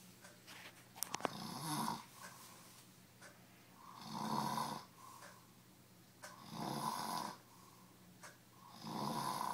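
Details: Person sleeping deeply after drinking almost a handle of vodka: loud rattling snores on each in-breath, about one every 2.5 seconds, with quieter out-breaths between; snoring.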